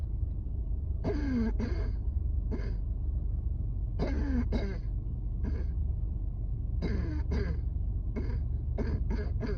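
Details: Repeated strained coughs with gasping breaths between them over loud wind or traffic rumble on a rooftop during a severe asthma flare-up at work; cough in asthma attack.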